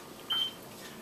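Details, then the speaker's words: Oxygen concentrator alarm: single brief high-pitched electronic chirp from a Philips Respironics concentrator, yellow light constant and red light beeping after the patient adjusted the liters per minute from the prescribed 2 L/min; self-corrects once readjusted. "it's because of the fact that patients are misusing their concentrators that it's allowing them allowing it to alarm this is the chirping"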